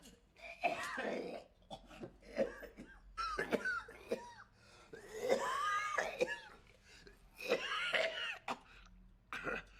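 An adult gives a series of harsh, voiced coughs and throat-clearing sounds in bursts, acted rather than real; repeated coughing.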